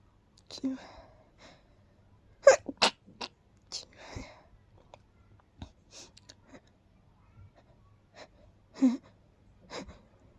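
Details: Person with a tickly, fast-coming urge to sneeze: several short, breathy, stifled bursts with quiet pauses between them, a few strong ones in a row. Held-back sneezes.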